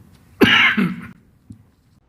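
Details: A single harsh adult cough with a voiced tail close to throat clearing, then a faint click and silence, during the Korean president's statement at the Korea–Philippines summit on 7 Oct 2024.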